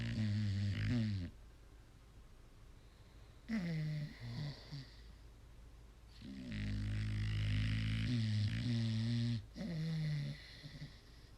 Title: Snoring problems?